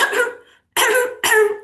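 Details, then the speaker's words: An adult imitating a child's croup cough in a paediatric lecture: three harsh, seal-like barking coughs, typical of croup, an inflammation of the upper airway and voice box. "it sounds like a seal. Um and that's kind if you hear that you know exactly what the problem is. The problem is CRO which is inflammation of the upper airways of the of the voice box."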